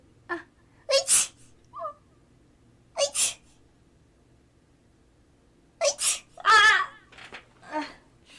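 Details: Streamer sneezing during a livestream: a run of about five or six sharp, explosive bursts, some with a voiced 'ah' onset, in a quiet room, followed by 'bless you'; repeated sneezing.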